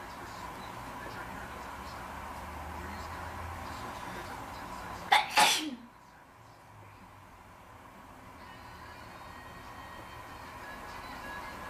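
A single sharp, explosive sneeze against steady background hum, followed by quiet.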